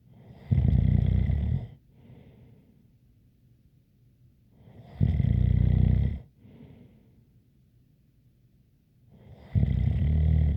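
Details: ASMR snoring recording: three loud rattling snores on the in-breath, about 15 a minute, with quiet breathing out between them and a faint light whistle.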